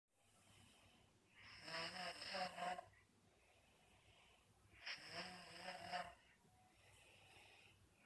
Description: in deep sleep / Snores so loud I can hear it in the other room most days